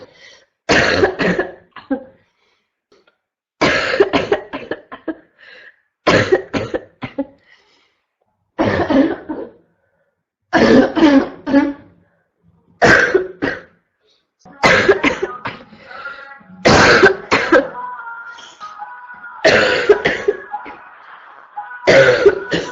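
About ten harsh, forceful coughs, each a short cluster, repeating every two to three seconds with brief pauses.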